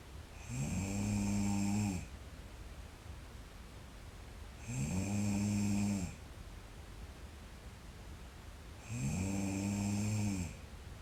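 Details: Sleeping girl snoring: loud, regular snores at about 14 a minute, each a long buzzing sound on the in-breath with quiet pauses between.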